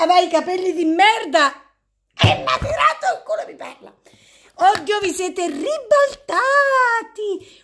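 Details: Female speaker with Tourette syndrome, with interjected involuntary words and phrases including swear words: Tourette syndrome vocal tics.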